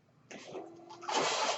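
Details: Own mechanical ventilator of a podcaster born in the mid-1980s, heard while they talk: after a quiet moment, a soft airy rush with a faint steady tone builds into a loud breathy whoosh as the ventilator delivers a breath.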